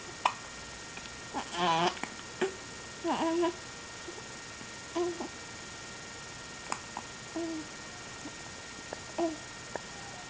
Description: Just hangin out with the hiccups